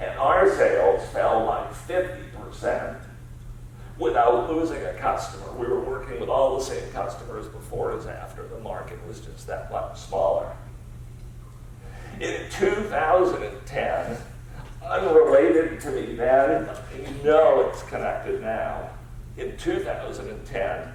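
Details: Adult male CEO diagnosed about seven years earlier with spasmodic dysphonia, a rare neurological disorder affecting only speech with no known cause or cure; treated with periodic Botox injections; lacks consistent, comfortable use of his voice; spasmodic dysphonia.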